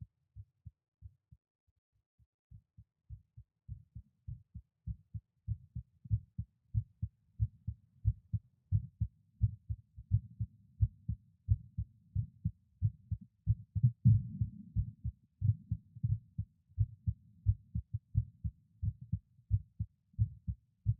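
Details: Normal heart sounds from a man at rest, recorded at several auscultation points: regular low lub-dub beats with changing loudness between sites.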